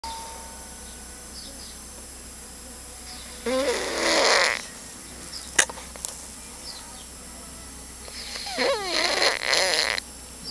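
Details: A sleeping friend snoring: two loud, rattling inspiratory snores about four seconds apart, with quiet breathing and faint room hum between.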